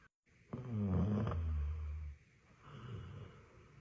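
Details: Loud, deep rumbling snore followed by a softer second breath from a sleeping Labrador dog; ordinary dog snoring.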